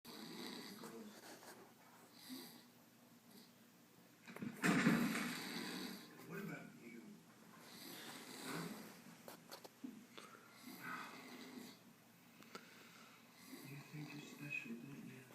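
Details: Friend snoring while asleep: rough, rattling snores recurring over several breaths, with some murmured background noise in a small room; ordinary snoring during sleep.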